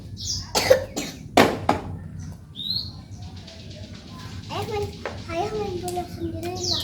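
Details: Young child who is unwell, weak, with stomach cramps and needing to poop, gives a few sharp coughs then quiet whiny sounds, music in background; cough.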